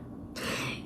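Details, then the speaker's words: A sudden, short, noisy burst of air breaking a quiet room hum: a single sneeze from Jasper, a small pet. "I've watched probably, sorry if you can hear Jasper, he just sneezed, but I've watched probably every one of his videos for the past like 4 or 5 years."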